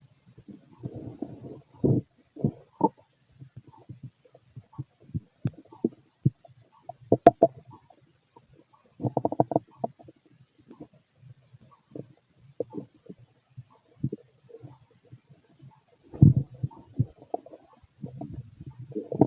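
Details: A fit adult male's stomach growling during digestion: irregular gurgling and rumbling bursts from the belly, ordinary bowel sounds.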